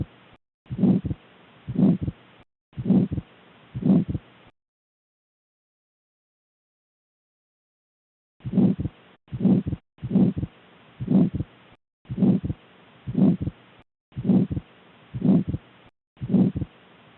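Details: Pulmonary stenosis murmur, heard through stethoscope: regular heartbeats near 60 a minute with a harsh rushing murmur, from obstruction of flow between right ventricle and pulmonary artery.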